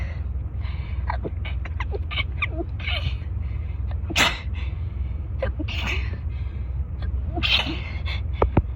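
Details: Person with a cold and a raw nose in a sneezing fit that lasted about 10 minutes: a rapid run of short, sharp sneezes and snorts over a steady low hum.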